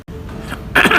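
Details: A single short, harsh cough from an adult man with a new lung problem that he suspects came from dust while detained and sleeping on a cement floor; room hum underneath.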